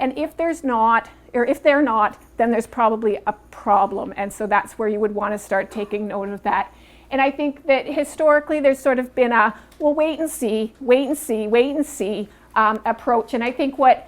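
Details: Adult woman speaking; normal fluent speech.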